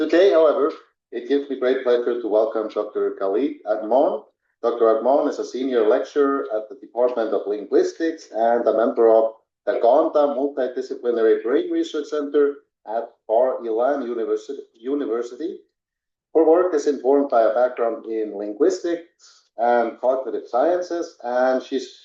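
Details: Adult male speaker; normal speech.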